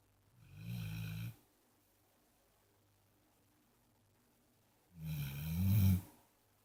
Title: Pit bull(LITTLE) snoring